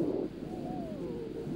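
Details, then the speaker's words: Wheeze heard in a severe case of asthma: a high, musical whistling tone gliding over the breath sounds, played on a visual auscultation teaching platform for contrast with normal vesicular breathing. "In case you go and auscultate a severe case of asthma, then"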